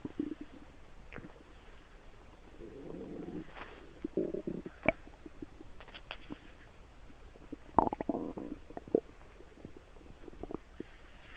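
Irregular gurgles, squeaks and bubbling rumbles from the belly; ordinary bowel sounds.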